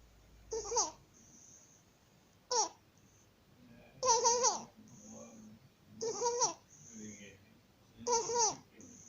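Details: 50-day-old baby with laryngomalacia, also tagged APLV (cow's milk protein allergy): inspiratory stridor.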